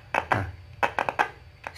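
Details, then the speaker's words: Lotus LCD LT-555+ fetal Doppler being tested without gel by rubbing the probe face: scratchy bursts and low hum from the speaker, no heartbeat; probe rubbing artifact. "kalau untuk pengecekan alat ini bisa atau tidak tinggal gesek ini aja nah"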